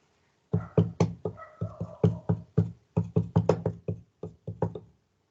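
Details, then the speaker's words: Example sound played in a pediatric cardiovascular semiology class. Thudding heart sounds with uneven gaps between first and second sounds and no steady cadence: irregularly irregular rhythm of atrial fibrillation. "vamos a escuchar que el primer y segundo ruido no van a estar con una equidistancia equiparable"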